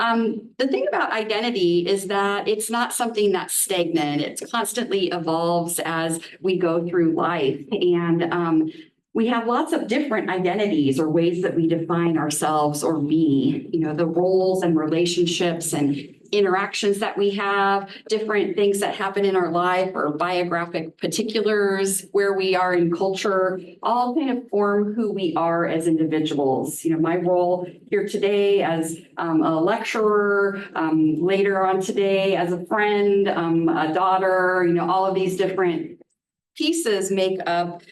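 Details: Adult woman lecturing; typical speech.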